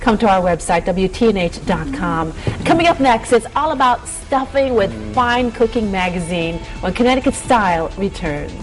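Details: Adult female TV host; normal speech.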